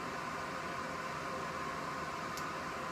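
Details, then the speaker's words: 3M model 775 Bair Hugger forced-air patient warming blower running during an electrical safety leakage test: a steady, even rushing hiss with a faint tonal whine, no pulsing or interruption. "you can see the blower working over there"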